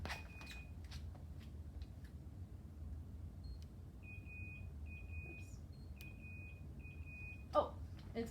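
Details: Repeated short high-pitched beeps from an infusion pump over quiet room noise: an alarm because the line is clamped, during a nursing student's simulated IV administration test; the primary line is to run at 100 mL/h.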